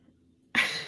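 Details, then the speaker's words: Adult with a lingering cough for weeks, a throat tickle, mostly dry unproductive coughs, recovering from illness with nasal symptoms: one sharp, dry cough with no rattle or wet sound. "yeah it's like this weird tickle in my throat and it doesn't happen all the time but most the time it's like dry coughs which are like unproductive and annoying"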